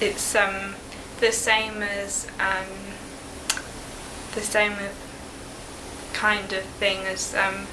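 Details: Expressive (Broca's) aphasia in a young woman one year after a stroke at age 19; halting speech with difficulty producing words, comprehension preserved.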